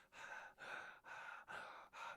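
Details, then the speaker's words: Adult with asthma breathing deliberately near the microphone, away from dog allergen triggers: airy, even in-and-out breaths; normal breathing. "Right. That sounds perfectly normal."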